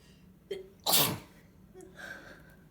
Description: This cold has gotten me good, I am so tired from all the sneezing and noseblowing, I've gone through so many tissues already and its only been a few days.